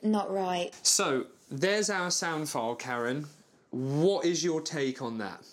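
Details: Adult speaker; normal voice.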